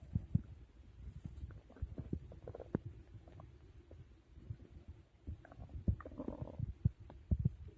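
Low gurgles and rumbles from the belly after a large meal; ordinary digestion sounds.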